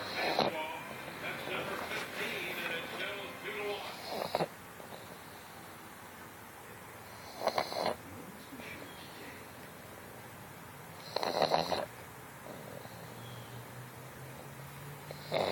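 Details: Resting, sleeping: short, noisy snorts and snuffles every three to four seconds, with soft breathing between and a quiet voice at the end; snorting while chilling.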